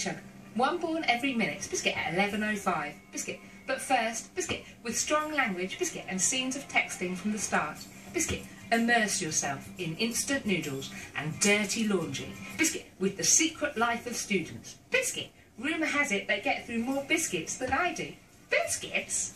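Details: Adult television continuity presenter announcing programmes, presented as having Tourette syndrome with vocal tics; vocal tics (Tourette syndrome).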